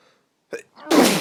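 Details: Person with allergies: a brief in-breath followed by a loud, explosive burst of air, a single sneeze.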